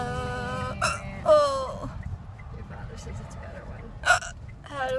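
Two short, sharp hiccup sounds amid speech and background noise; hiccups.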